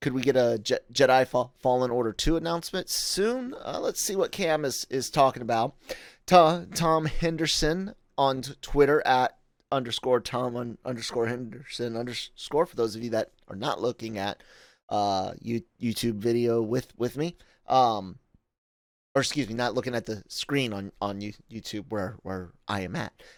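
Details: Adult male podcast host with self-acknowledged stuttering, in spontaneous speech with frequent word and part-word repetitions; stuttering.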